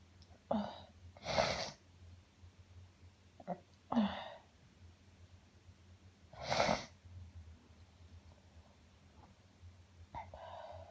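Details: Uncontrollable sneezing fit: repeated explosive sneezes, about five in ten seconds, each preceded by a short in-breath, over a low steady hum.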